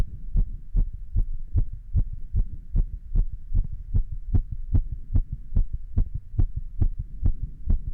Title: 立ち心音～ちょっと運動も！ Standing heart sounds & A little exercise